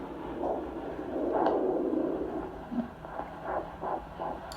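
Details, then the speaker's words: Fetal heartbeat on Doppler during pregnancy: fast, rhythmic whooshing pulses at about 160 beats a minute, top of the 110–160 normal range. "110 to 160 is normal range baby's heartbeat is twice as fast as your heartbeat"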